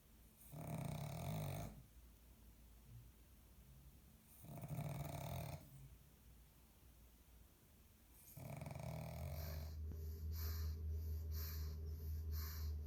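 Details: Loud snoring from Aisha, a sleeping pug (flat-faced breed): repeated deep, rumbling snores about every four seconds, then faster whistling, snorting breaths.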